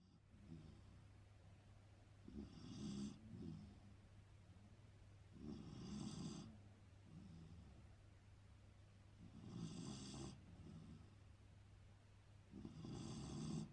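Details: Loud, rattling snores repeat about every 3.5 seconds, roughly 17 a minute, over a steady low hum: ordinary snoring.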